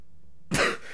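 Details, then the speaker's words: Single loud, harsh cough bursting out after near silence, from a person who had been coughing, sneezing and needing to throw up; described by them as a death rattle. "I was coughing and sneezing, and then I started having to throw up, then I muted my mic thinking I was fine, and then I let out this fucking death rattle of a..."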